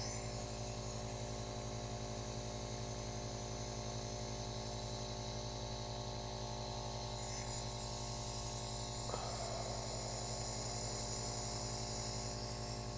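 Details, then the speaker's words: Nebulizer demonstration: continuous buzzing compressor motor hum with a faint hiss of mist, running steadily between the user's mouth and nose breaths. "now what you noticed is in between breaths this thing just kept running"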